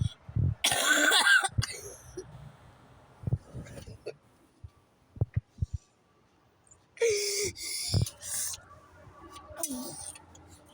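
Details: Repeated cough: two separate bouts of harsh, noisy coughing with throat-clearing sounds and quiet gaps between them, a child who says they keep coughing over and over.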